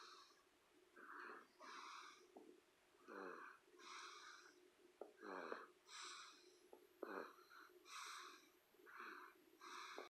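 Rhythmic noisy breathing, about 15 breaths a minute, with rattling, fluttering snores on some breaths over a steady background hum: snoring.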